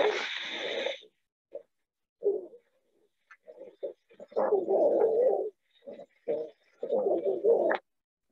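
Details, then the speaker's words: Adult male patient with temporal and other muscle wasting, in a teaching case on restrictive versus obstructive lung disease: musical wheezes on both inspiration and expiration with some crackles. "yeah so we hear a little bit of wheezing and what we call that is both inspiratory"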